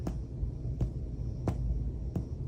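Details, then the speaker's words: Four short, hollow finger taps over the upper back during a thorax and pulmonary exam, comparing sides while working downward, against low room hum; normal resonant percussion note. "finger and compare sides and then work your way down oh got a tummy bubble there you can hear the difference in the sound"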